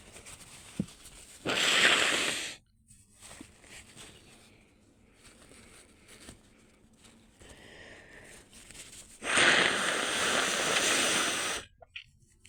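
Two long hissing bursts of air forced out with the nose held, a stifled sneeze, with sniffs and quiet between.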